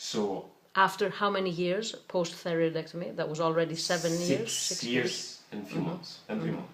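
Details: Adult speaker; normal voice.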